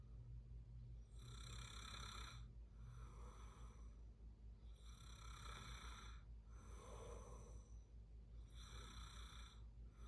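Loud, rough, rattling snores recur with each breath over a steady low room hum: snoring during sleep.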